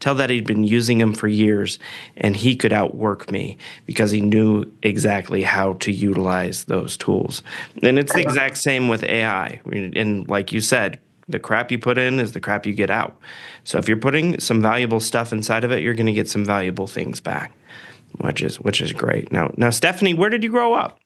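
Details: Adult male speaker; typical voice.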